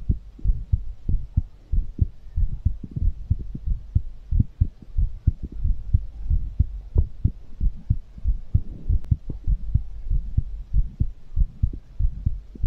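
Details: Fast heartbeat after exercise, ASMR recording: rapid, steady low thumping heartbeat, roughly 90–100 beats a minute.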